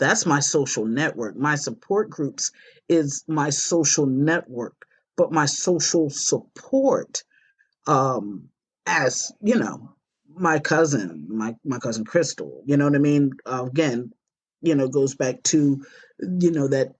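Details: Aphasia in an adult woman, a stroke survivor.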